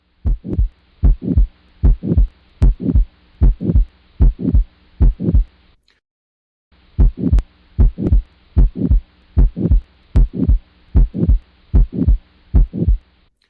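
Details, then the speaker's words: 72-year-old man with aortic stenosis, exertional fatigue, dyspnea and dizziness: regular heartbeat about 76 a minute with a harsh crescendo-decrescendo systolic ejection murmur at the right second intercostal space radiating to the carotids. "this patient has aortic stenosis and this is how the harsh systolic murmur sounds"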